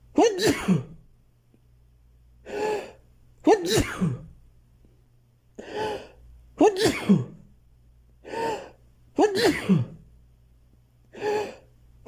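Sharp gasping breaths in and about four forceful sneezes, one after another.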